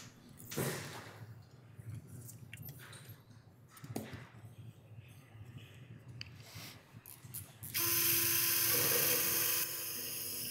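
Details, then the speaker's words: Mechanical ratcheting and grinding ending in a steady high whine as a robotic-assisted upper thoracic pedicle screw is driven in, the spine moving under the insertion force. "the spine is moving here as we're inserting this screw and some of that force is getting is being pulled up in this trajectory here"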